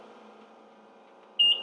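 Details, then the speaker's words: Simulated demonstration of an oxygen concentrator low-flow alarm from kinked tubing: a quiet hum, then a short, high, sharp beep that stops after the tubing is removed from the outlet. "you would see after a moment the alarm will stop"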